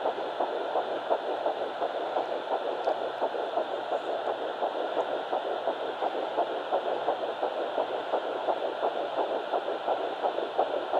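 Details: Fetal Doppler of Baby A at 9 weeks 6 days, found on mother's left side after days of searching: fast, regular whooshing pulses at about 170 a minute over steady Doppler hiss, a normal early fetal heartbeat.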